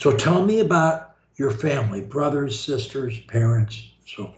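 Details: Adult; normal speech.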